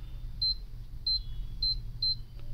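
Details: Four short high beeps from the touch panel of a four-chamber air compression DVT therapy pump as pressure (range 3–250) is adjusted, over a low room hum.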